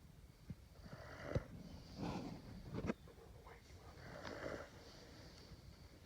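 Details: Sleeping dog snoring: soft, rattling snorts and snoring breaths with brief sniffs in a quiet room.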